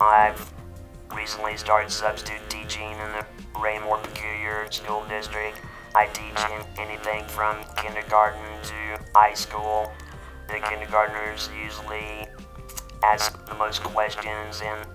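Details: Alaryngeal speech about 15 years after total laryngectomy, using an electrolarynx and/or esophageal speech.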